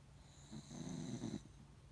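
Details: Sleeping dog snoring loudly: a single low, rumbling snore rising and fading over about a second against quiet room noise.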